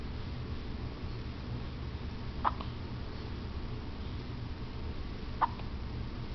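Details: Two brief, sharp hiccups about three seconds apart over steady room noise, in someone who has had hiccups for a long while; hiccups.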